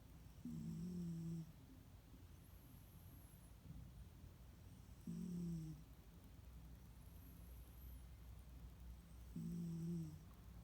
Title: Thunder Snoring